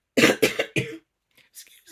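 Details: Three quick harsh coughs that also clear the throat, followed by quiet; an adult woman with a cold and sore throat for a couple of nights, voice croaky, sipping water afterwards.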